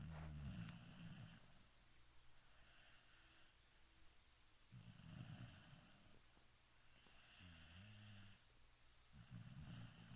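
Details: Puppy snoring while keeping its owner warm: low rattling snores in bursts every few seconds with a quiet hum between; ordinary snoring.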